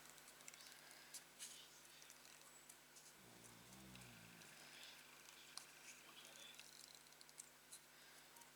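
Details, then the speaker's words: A sleeping pet dog gives one low, rumbling snore, under light tapping and paper-handling noise; dog snoring. "Alors, vous entendez ronfler ? C'est pas mon chéri qui ronfle hein, c'est mon chien."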